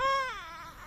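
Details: Infant girl crying while her mother coaxes her: a short, clear cry that falls in pitch and trails into a wavering whimper.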